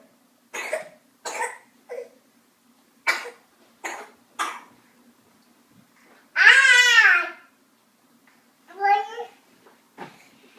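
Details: Young boy in diapers, playing: about six short, dry coughs followed by a couple of playful voiced sounds; cough.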